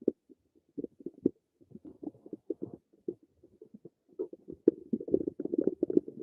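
Irregular gurgling and bubbling rumbles that grow busier toward the end. Ordinary stomach rumbling.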